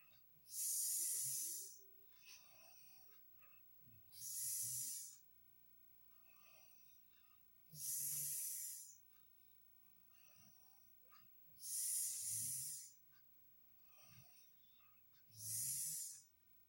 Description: Hayy teman-teman kali ini saya akan share video suara ngorok paling unik SE dunia suaranya unik banget